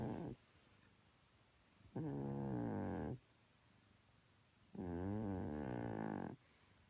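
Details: The household's oldest cat snoring while asleep: rhythmic, wavering nasal snore on each breath with quiet pauses between, about three snores in seven seconds.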